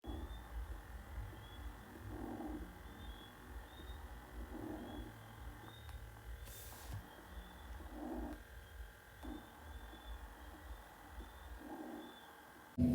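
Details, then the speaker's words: Normal vesicular breath sounds through a stethoscope, about 20 breaths a minute, over steady hum: soft, low sounds where inspiration is heard fully and expiration only at its start. "El tercer ruido es el murmullo vesicular, ruido característico donde la inspiración se escucha perfectamente, pero la expiración solamente se escucha al principio."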